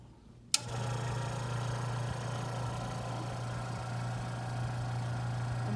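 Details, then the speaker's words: A click, then a steady low motor hum and hiss as a suction machine is switched on to test the catheter before tracheostomy suctioning, in a nursing skills demonstration. "and i'm going to turn this on test my catheter make sure it's working properly"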